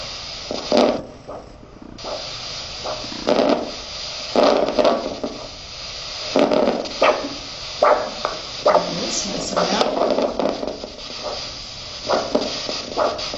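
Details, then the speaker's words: Rhythmic whooshing pulses from a handheld Doppler locating the dorsalis pedis pulse on the top of the foot before ankle cuff inflation for an ankle-brachial index in an outpatient wound clinic; normal arterial signal, faint music. "prior to inflating the cuff you want to uh use your Doppler and locate the dorsalis pis pulse"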